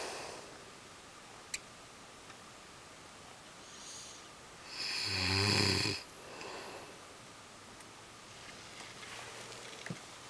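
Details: Adult man snoring while asleep: a single loud, rattling snore on an in-breath against quiet room noise, with softer breathing around it.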